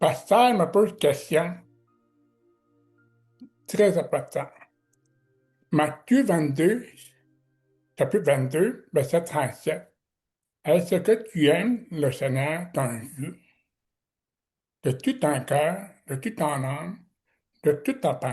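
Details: Man with severe-to-profound deafness who learned to pronounce letters; deaf speech.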